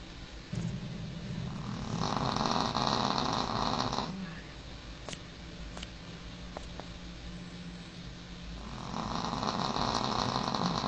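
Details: Sleeping dog snoring: loud, rattling snores with long drawn-out breaths and quieter pauses between.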